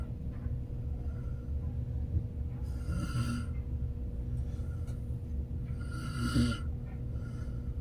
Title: Sleeping Beauty snoring again 😴